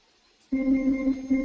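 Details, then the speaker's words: Bellavista ventilator checkout before use on a new patient. The room is quiet, then a steady electronic alarm tone sounds after a brief deliberate circuit disconnection, confirming the disconnection alarm works. "But we also want to see whether the alarming system is working, so we perform a short disconnection and make sure that we hear the alarms."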